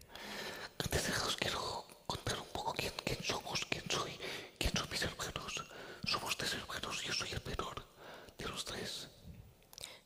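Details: Man with the neurological disease dystonia, which in his case impairs control of his neck movements and can affect other body parts; he speaks without voice tone, in a whisper: whispered speech (aphonia) from dystonia.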